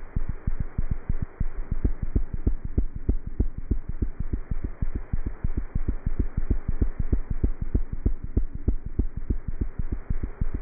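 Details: Normal cat heart sounds through a stethoscope: fast, regular low thumps at roughly 190 beats a minute over a steady hum.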